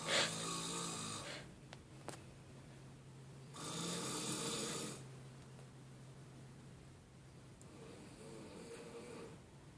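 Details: Friend deeply asleep: loud, harsh, rattling snores on the in-breath, separated by quieter breathing pauses, about two snores in ten seconds; very loud snoring.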